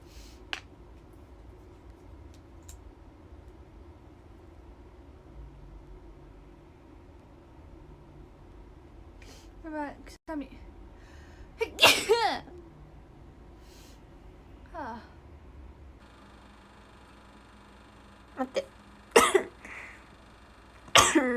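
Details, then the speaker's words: Young Japanese woman says she's about to sneeze, then quick, catching in-breaths lead into loud explosive sneezes, a few in a row. "やばい。やばい、くしゃみ。はあ、待って。くしゃみが出そう。"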